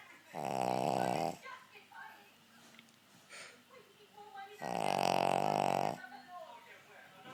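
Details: Spaniel dog snoring: two long, loud, buzzing snores with quieter breathing between them while sleeping.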